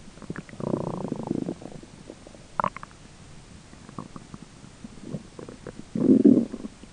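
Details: Person's own stomach grumbling during digestion: gurgling, bubbling rumbles with quieter clicks between (normal bowel sounds, borborygmi), with a roommate talking in the background.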